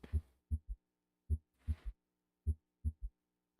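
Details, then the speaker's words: Third heart sound at the apex of a normal patient: a slow, steady heartbeat with a soft extra low thud in early diastole just after the second sound, linked to rapid ventricular filling. "This is a graphic example of the heart in a normal patient with a third heart sound at the apex."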